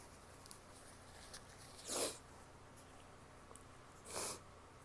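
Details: Sneezes and nose blowing from a female who is still sick: two sudden explosive bursts of air a couple of seconds apart in a quiet room.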